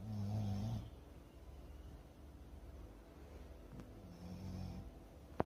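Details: Dog snoring: two low, buzzing breath sounds several seconds apart over background hum.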